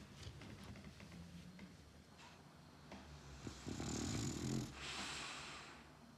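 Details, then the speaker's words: Old French bulldog snoring while asleep curled up; the owner tells him to lie straight because he snores when bent. Snoring. "Георгий ляжь нормально ровненько ляжь ляжь ляжь ты согнулся Ты храпишь"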